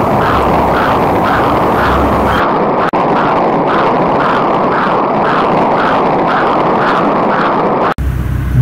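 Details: Late-pregnancy ultrasound Doppler of the uterine artery, with the probe moved from the suprapubic midline toward the left iliac fossa and the gate where it crosses the external iliac vessels: loud rhythmic whooshing pulses, about 85 a minute, with a steady hum between them.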